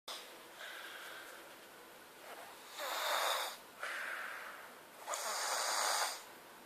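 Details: Alloushi sleeping: noisy, hissing breaths in a steady rhythm, about 23 per minute, fitting light snoring.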